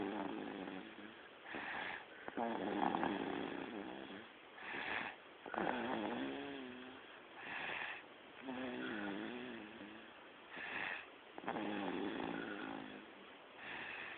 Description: Our baby girl snoring while sleeping.